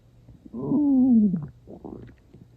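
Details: Loud stomach growling, gurgling bowel sounds, not very hungry and not long after eating; near the end water was drunk, possibly stirring things.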